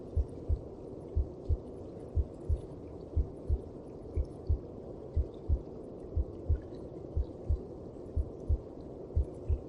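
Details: Heartbeat heard inside the mother's belly, as within the womb: low, even thumps at about 60 per minute under a soft steady rushing noise.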